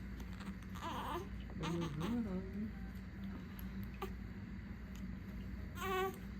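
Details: Two-day-old full-term baby girl, born by unmedicated birth, placed in a car seat for the first time on leaving hospital. Short, thin cries and whimpers in brief bursts over room hum; ordinary newborn cry.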